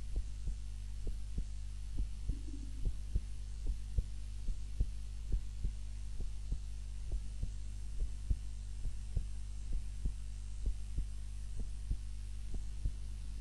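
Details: Person recorded by timer while napping lying on their back instead of the usual face-down: steady, regular heartbeat at about 85 a minute under a constant low hum; normal heart sounds.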